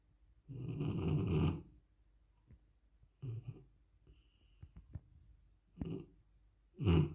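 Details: Dog snoring hard while sleeping: loud, rattling snores with quiet pauses between them and some short snorts.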